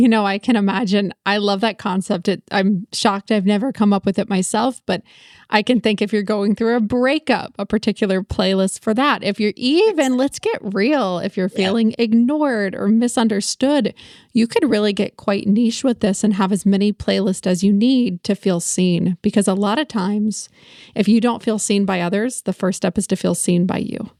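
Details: Adult woman speaking; normal voice.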